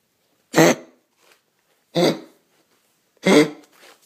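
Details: A dog with a sore throat, being offered tea to soothe it, gives three separate harsh, forceful coughs about a second apart, each followed by a short quiet gap; dog coughing.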